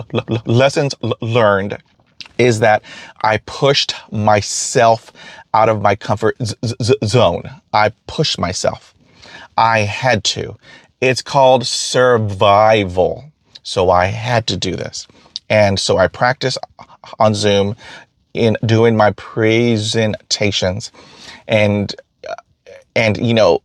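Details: Stuttering in an adult man who stutters and says he can get hung up on words, with repeated phrases.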